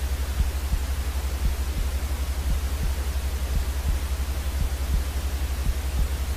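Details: A white-noise recording for soothing colicky babies: a steady hiss with soft, regular paired low heartbeat thumps underneath, about 57 a minute, a slow rhythm.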